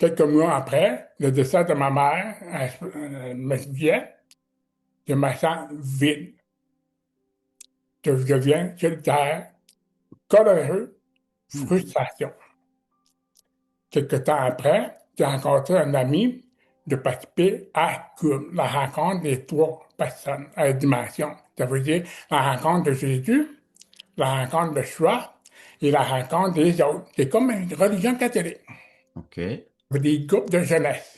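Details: Speech of a man with severe-to-profound deafness who learned to pronounce letters; deaf speech.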